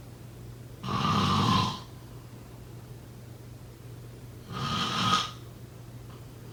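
Two harsh, vibrating snores about 3.7 seconds apart, with quiet breathing between. Ordinary snoring.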